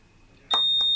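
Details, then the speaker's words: An HT70 Plus transport ventilator shuts down after the user accepts power-off. The quiet room is broken by a sudden steady high-pitched alarm tone that sounds continuously until silenced. "Once it shuts down, it will alarm. It will continue to alarm until you silence it."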